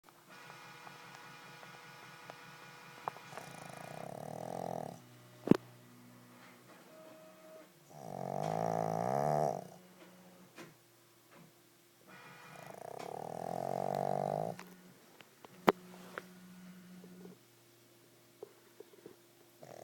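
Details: Pug wearing a cone after a major operation, sleeping: three loud, rattling inhaled snores about every four to five seconds, quiet between them, with faint clicks in the room; snoring.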